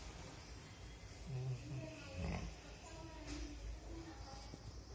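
Low, rumbling, snorting breaths from a sleeping dog, with the loudest near the middle: snoring.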